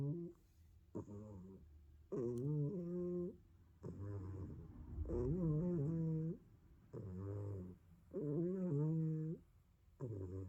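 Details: Cat snoring: slow, regular voiced snores about 20 a minute, each a low buzzing breath with a rising-falling pitch in a quiet room.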